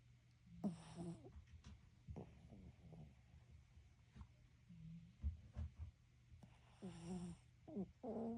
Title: 😴 Chihuahua Snoring with Red Light🚨 Therapy 🐾❤️